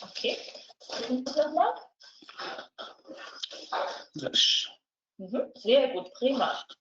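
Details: Severe non-fluent aphasia with apraxia of speech and dysarthria in a 69-year-old man speaking German, three days after sudden onset of isolated aphasia from a frontal lesion; repetition and naming limited to few syllables; comprehension relatively preserved.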